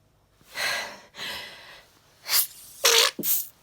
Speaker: okay i can feel sneeze coming